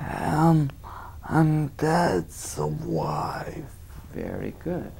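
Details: Spastic dysarthria in a patient answering a question about a picture story during a speech assessment.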